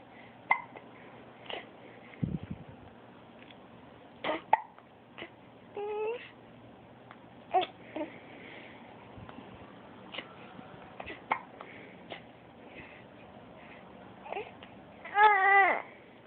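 Short, sharp, repeated catches every second or two, with faint babbling between them, fitting hiccups.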